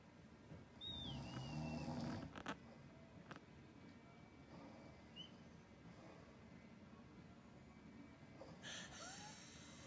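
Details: One loud, low rattling snore from a sleeping adult owner, then quiet breathing with faint high chirps as the Ragdoll cat stops the snoring.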